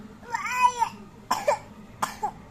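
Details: Cough from a child who is unwell with fever and a runny nose.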